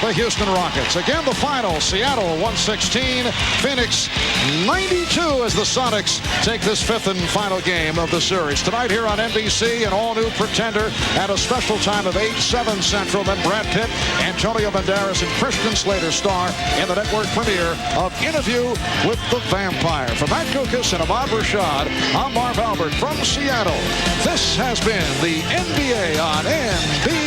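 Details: Adult male sports announcer; normal speech.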